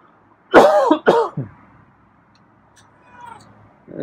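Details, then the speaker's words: Ordinary cough: a burst of three harsh, loud coughs in quick succession from a person petting a feral cat, startling the cat, followed by quiet room sound. "yeah i had a cough yeah scrub is not used to me coughing or sneezing"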